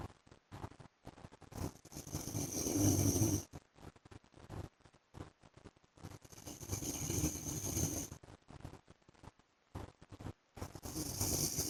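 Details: Snoring of a husband asleep: long, rattling, noisy breaths with pauses between them in a quiet room.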